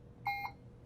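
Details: Puritan Bennett 560 home ventilator, assist-control volume mode, alarm settings being adjusted: short two-part electronic beep, a normal key-press and accept tone during a settings change.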